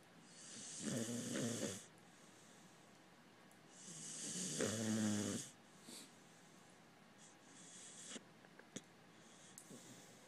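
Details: Sleeping pharaoh hound puppy snoring: two loud, rough snores with quiet breathing between them, about 16 breaths a minute, over faint room noise.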